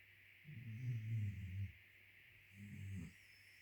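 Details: Cairn terriers, two dogs snoring: two low, rumbling breaths over a steady background hum; small dog snoring.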